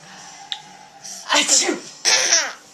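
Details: A sneeze then laughing: a sharp, hissy burst of sneezing, then a second loud burst blending into laughter in a small room; recorded on a Flip Video camera.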